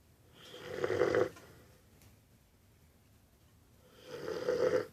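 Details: Female Cane Corso dog snoring while sleeping after eating, which she does after meals: two loud, rough snoring breaths several seconds apart, separated by quiet.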